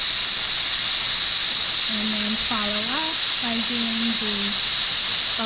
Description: Using a magneto ultrasonic on a typodont on the mandibular anterior sextant for the dental hygiene program and beyond